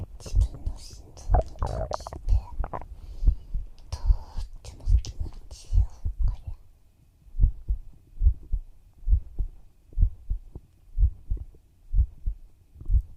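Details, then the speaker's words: Soft, regular low thumps at about 62 beats a minute, with faint whispering at the start, in an ASMR sleep roleplay of a heartbeat heard against the chest; ordinary adult heartbeat. "だからその代わりたくさんの心臓の音を聞いてほしいな。"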